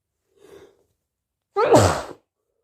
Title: Late August sneezes 🤧 allergies or cold?